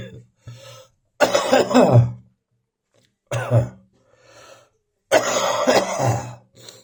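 Three bouts of harsh coughing mixed with throat clearing, with short pauses between them. A persistent morning cough.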